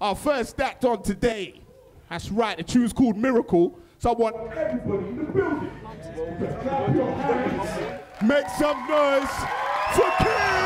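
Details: Adult male stage host; Normal fluent speech.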